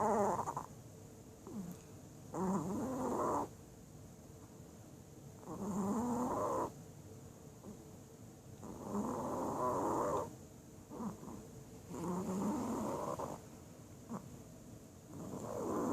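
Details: Snoring in bed: rhythmic rattling breaths with loud fluttery snores, about 19 a minute, steady throughout; ordinary snoring.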